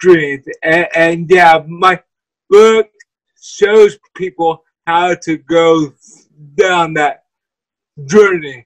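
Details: Dysarthria from cerebral palsy in a guest who uses a wheelchair.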